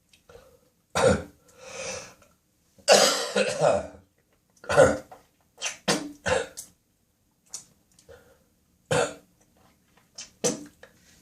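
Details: Early morning coughing spasm in the bathroom with spitting and nose blowing: run of about a dozen harsh, wet coughs mixed with throat clearing and hawking; productive cough bringing up phlegm.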